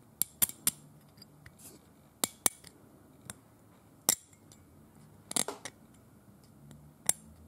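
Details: Dental hand scaling demonstrated on a painted teeth model, not a real patient: sharp metallic scrapes and clicks of a hand instrument on hard surface, aggressive scraping.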